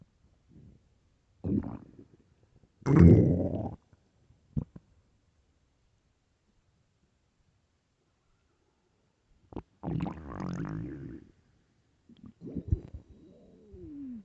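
Loud low gurgling and rumbling bursts with quiet gaps; ordinary stomach growling from hunger.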